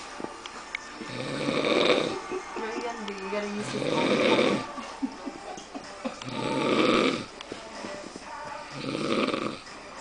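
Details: Person passed out asleep: loud, rough snores repeating about every two and a half seconds, roughly 24 a minute, with faint background music; snoring.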